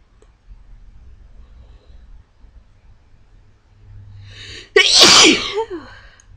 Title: sneezing again